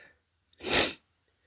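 A single forceful sneeze with a sharp, noisy burst of air, preceded by a faint intake.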